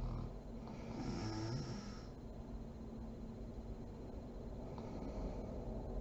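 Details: Sleeping mother: low, rough snoring through steady room noise; snoring during sleep.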